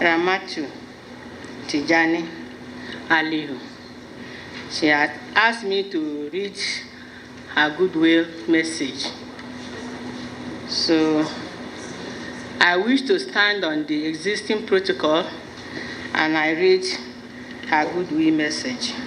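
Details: Adult speaker; speech.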